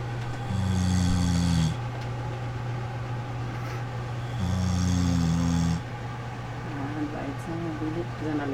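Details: Adult dad snoring beside his sleeping 7-week-old baby: two long, deep, rumbling snores a few seconds apart with quiet breathing between, soft voices in background.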